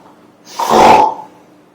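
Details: Inspiratory stridor in an infant due to laryngomalacia (softened supraglottic tissue above the vocal cords).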